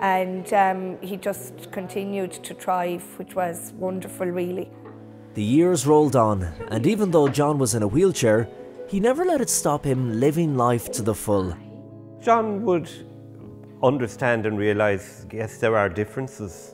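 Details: Adult speaker; normal speech.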